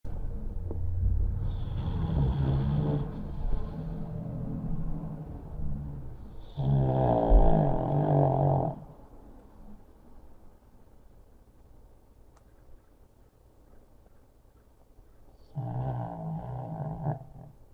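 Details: Long, loud, fluttering snores that rattle on each breath, with quiet gaps between, from a pug sound asleep and wedged behind a pillow on his favorite chair; heavy snoring.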